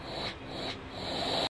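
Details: A steady, soft rushing hiss of air from a ResMed S8 auto CPAP machine, started in CPAP mode after its settings were adjusted, running in a small room.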